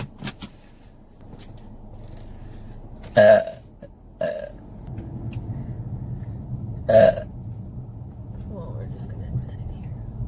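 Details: Adult woman burping: three loud voiced belches over about ten seconds, with road and car noise behind.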